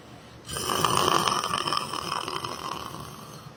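A single long, rough, rattling inward breath during sleep; snoring.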